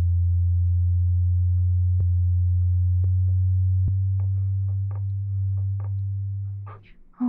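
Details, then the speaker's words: Simulated audiologist roleplay hearing test: a steady low pure test tone that fades out, with faint tapping behind it, as the listener signals when the sound stops; audiometer test tone. "so what I want you to do is when you stop hearing the sound I want you to let me know"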